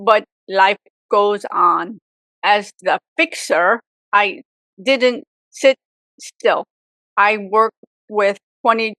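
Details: Adult woman, real stroke survivor, with aphasia for 18 years after a severe stroke at age 44, also reporting apraxia; aphasia.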